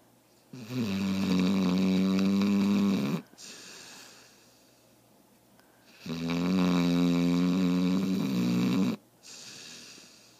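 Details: Snoring: two long, loud, rattling inspiratory snores of about three seconds each, with quiet expirations between.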